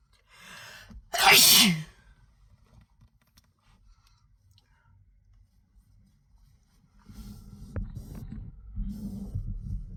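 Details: Short intake of breath, then one loud explosive sneeze, followed by quiet, rustling and soft noise; a single sneeze from a compilation of sneezing while sick.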